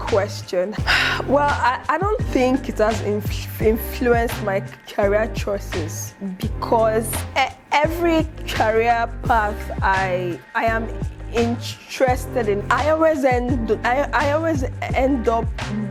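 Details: Adult woman who stutters, with word and phrase repetitions; finding: stuttering.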